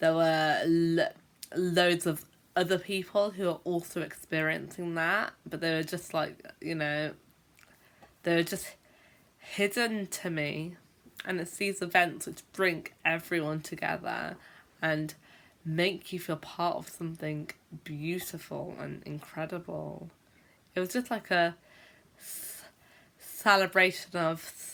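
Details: Stuttering (stammering) in an adult woman who is a teacher and describes herself as a stammerer who sometimes blocks for a long time when speaking.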